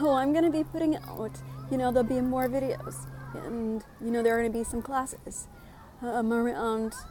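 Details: Adult woman living with spasmodic dysphonia, speaking in her own voice; spasmodic dysphonia.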